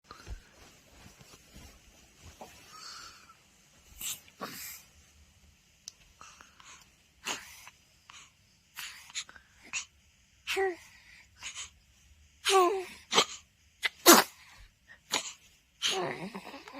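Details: Newborn baby sneezing: several small, sharp bursts of breath separated by quiet pauses; infant sneezes.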